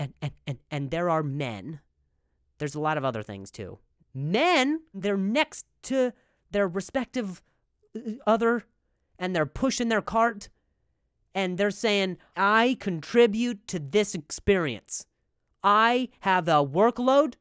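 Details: Adult man speaking; stuttering.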